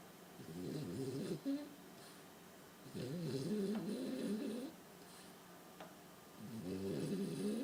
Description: Sjefke in a deep snoring sleep, he loves to lay in his big CROCS shoe bed !